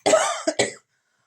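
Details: A short run of three coughs, the first longer and slightly rough, then two quick bursts, in a quiet room.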